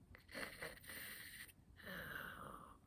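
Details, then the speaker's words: Imitated snoring: a narrator demonstrates a quiet little snore during a children's read-aloud of a picture book about a noisy night keeping a princess awake. "does anyone in your family snore when they're sleeping sometimes it's just a quiet little snore like"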